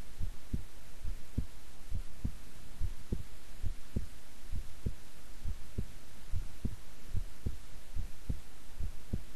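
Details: Own heartbeat recorded at length while keeping still and relaxed: steady, regular low thumping at about 80 beats a minute under a faint hiss; normal resting heart sounds.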